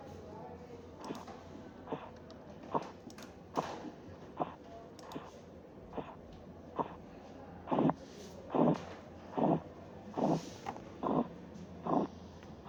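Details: Faint taps swell into strong regular thumps near 72 a minute, then fade out: Korotkoff sounds, reading 136/80.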